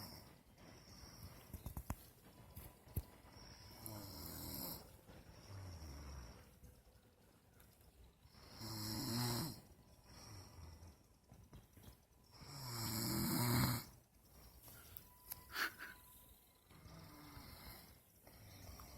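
Low, rumbling snores recurring about 14 times a minute amid faint room noise; ordinary snoring.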